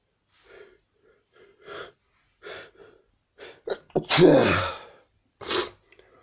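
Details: Several short sniffs and breaths building to one loud explosive sneeze, then another sniff; sneezing.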